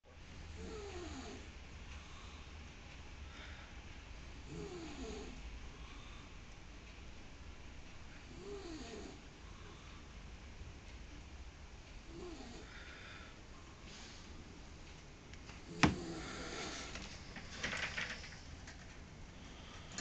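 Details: A person snoring: soft, regular snores about every four seconds, roughly 15 a minute, over a steady low background hum; ordinary snoring.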